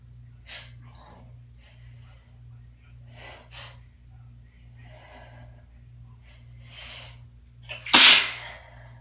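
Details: Sneeze during a winter cold in a person with asthma and a recent wet, chesty cough: several sniffs and catching breaths build to one loud, wet, congested, messy sneeze.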